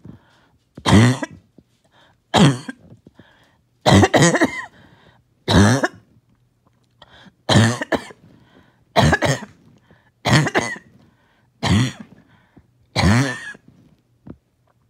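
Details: The first coughing fit of the day: about ten forceful, harsh, wet coughs with throat clearing and short pauses as the mucus will not come up; productive-sounding cough.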